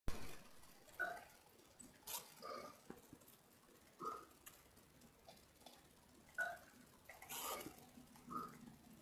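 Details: Repeated burping: several short, soft throaty burps spaced a few seconds apart in a quiet room.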